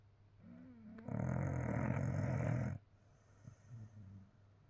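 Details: Sleeping puppy snoring after hard play: a loud, rough, low-pitched fluttering snore lasting about two seconds, then quieter breathing.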